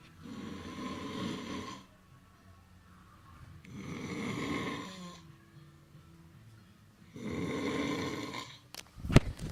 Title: Skinny guy snoring hard